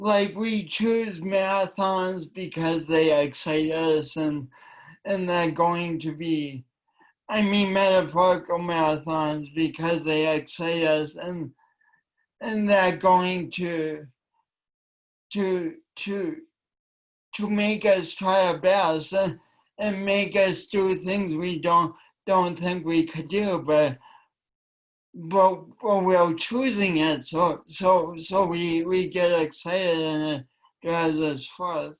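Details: Dysarthria from cerebral palsy present since birth in a male speaker, attributed by him to oxygen loss from a kinked umbilical cord; he calls it a speech impediment and says it affects his voice and coordination.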